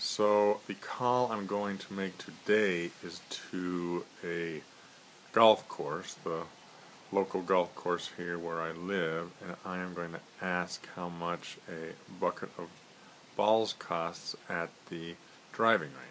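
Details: Stuttering in an adult male.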